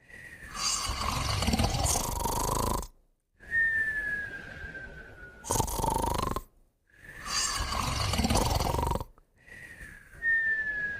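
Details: Two sleeping pets snoring and whistling together: long, rough snores repeating steadily with a thin high whistle on several breaths; snoring.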